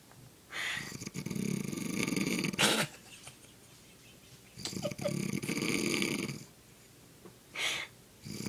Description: My Babe was sleeping but I couldn't help record him bc he was snoring so loud.